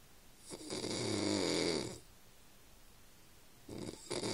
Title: my dad snoring. lmaooooo